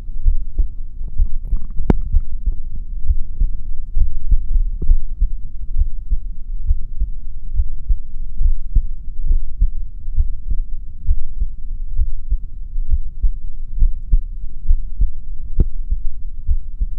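Steady low thumping heartbeat, about 67 beats a minute, with a faint hum behind it.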